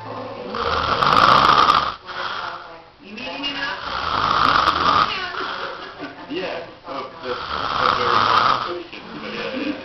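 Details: Drunk man passed out on a couch snoring: loud, harsh, rasping snores about 18 a minute in a small room, with gurgling sounds between breaths.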